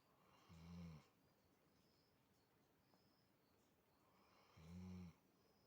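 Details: Dog sleeping, giving two soft, low rumbling snores about four seconds apart with quiet breathing between: snoring.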